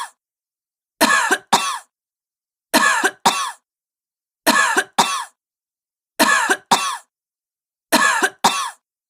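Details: A sick woman coughing: ten harsh coughs in five evenly spaced pairs, each double cough quick and forceful, with silence between. A repeated dry-sounding cough.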